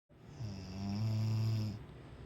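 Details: A single loud, low, rattling snore on the in-breath, steady and buzzing for over a second; ordinary snoring.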